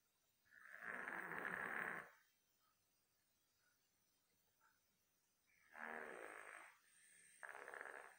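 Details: Buster, a dog sleeping soundly: soft, hissing snores, about three over several seconds; snoring from air movement restricted in the nasal passages or throat.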